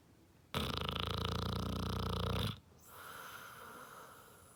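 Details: Basset hound snoring loudly: one harsh, fluttering snore lasting about two seconds, followed by a quieter exhaled breath.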